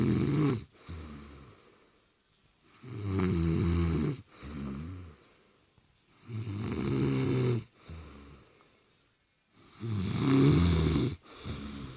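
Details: Woman sleeping in bed: loud rattling snores on each in-breath, each followed by a softer out-breath, about 5 breaths a minute; snoring.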